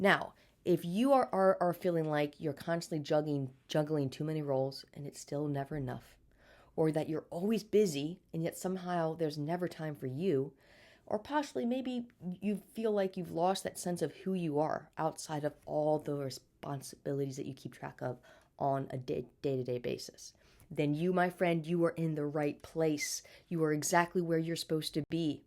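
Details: Adult woman with a stutter since birth, speech therapy throughout childhood, still stuttering day to day and may get stuck on words: stuttering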